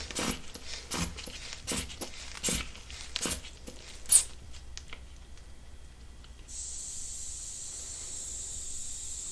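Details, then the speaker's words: Simulated blood pressure check in an acted ear, nose and throat exam for flu: repeated bulb squeezes pump the cuff, then a steady hiss of air releasing while listening with a stethoscope; reading 110/60, stated as normal. "let's go ahead we're going to measure your blood pressure is this arm okay or do you prefer something else"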